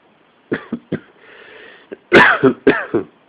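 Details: Coughing fit during a cold a few weeks earlier, at the start of the coughing fits; the recorder says this was the worst the fits got.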